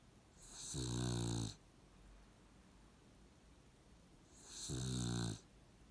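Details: Puggle dog snoring: two long, deep rumbling snores on the in-breath, about four seconds apart, with quiet breathing between them.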